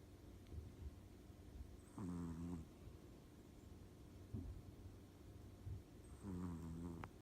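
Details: Sleeping individual snoring, soft, rattly snores on two breaths about four seconds apart over steady low room hum; snoring.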